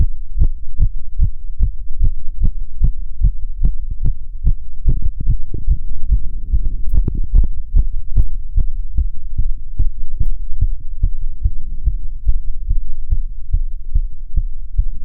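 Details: Self-auscultation with a stethoscope, standing (orthostatic) and sitting: rapid, regular heart thumps with no added sounds; tachycardia, otherwise nothing abnormal.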